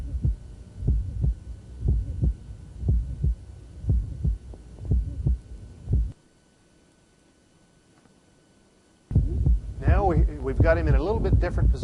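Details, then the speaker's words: Hypertrophic cardiomyopathy: short, squeaky, high-frequency systolic murmur from outflow obstruction, usually loudest along the left sternal border; regular heartbeat about 60 a minute, then pause and background voices. "we can have a murmur due to the obstruction which will give this the shirt squeaky high-frequency murmur that's usually loudest along the left sternal border"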